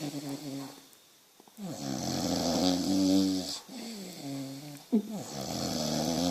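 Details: Sleeping Boxer dog snoring: long, loud, droning snores with a whining, almost musical pitch and brief quiet gaps between breaths; owner wonders about sleep apnea.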